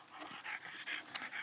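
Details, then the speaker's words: Flat-faced (brachycephalic) dog whose underlying problem is suspected to be narrow nostrils, likely with secondary upper-airway changes: quick, rough, raspy panting breaths ending in a short voiced sound; noisy obstructed upper-airway breathing. "Det ställer ju till bekymmer ner alltså hon har säkert en del sekundära förändringar i av sitt SVG som följ av sin tråa näpna"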